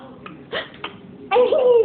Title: Baby has the hiccups